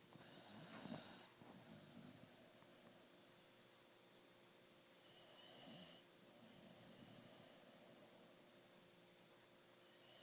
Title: Bug Snoring